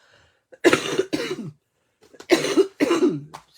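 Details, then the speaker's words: Adult coughing a lot since the weekend; four harsh, loose-sounding coughs in two pairs, each with a rough voiced tail, in a quiet room. "Désolé mon dou je serai pas très agréable ce matin à écoutez c'est ça depuis en fin de semaine je tousse beaucoup mais là je pense que c'est ça c'est un"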